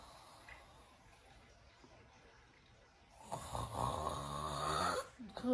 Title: Snoring saint.